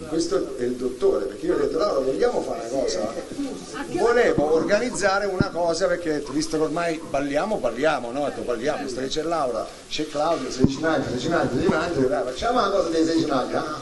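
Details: Adult male speaker; normal speech.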